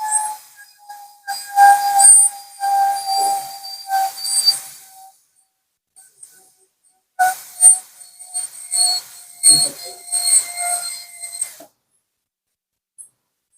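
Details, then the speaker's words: High-pitched whistling whine in two bursts with pauses and hiss: a high-speed dental handpiece with a 330 bur deepening the gingival floor of a Class II MO amalgam prep on a maxillary second premolar (tooth 4) in a bench demonstration. "I'm going to drill until this deep. Leaving a trail, I'm going to drill. Always, it is important to move your burr so that you can prevent burning."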